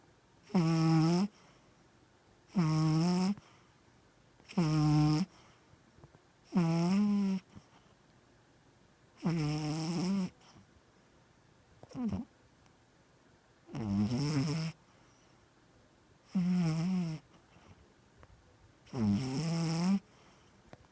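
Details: Mya snoring and dreaming in sleep: loud, regular snores with a rattling, buzzing tone on each breath in, about 30 a minute, with short quiet gaps between.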